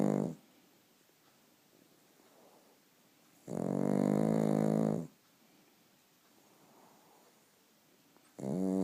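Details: Sleeping pug puppy snoring: loud, long buzzing rattle on each breath with quiet pauses of several seconds between.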